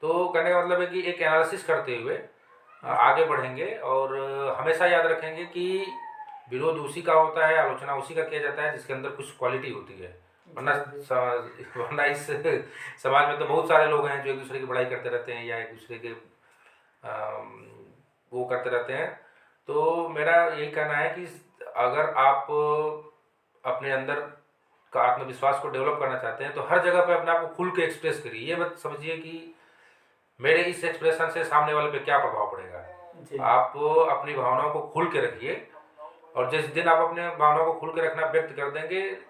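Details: Adult male Hindi-speaking host who stammers, with hesitations while asking a question; stuttering.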